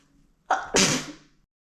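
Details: Woman's single sneeze, induced by chhinkni and described as uncontrollable and messy: a quick gasping intake, then a sharp, hissing burst fading within about a second; sneezing.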